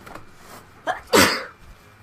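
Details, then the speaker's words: Sneeze from a nasally-sounding gamer who announces it is coming: a short inward catch of breath, then one sharp, loud, explosive burst of air; a single ordinary sneeze. "Oh man, I have to sneeze. Talk about being nasally. So I got my box of tissues"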